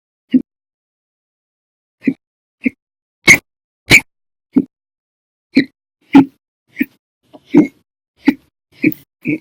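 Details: Audio-only recording of violent, loud persistent hiccups lasting over 5 hours daily through October 2019: abrupt sharp hiccups about every half-second to second, around 13 in nine seconds, irregular: persistent hiccups.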